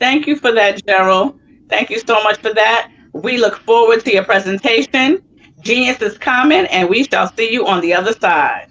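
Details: Adult host speaking; normal fluent speech.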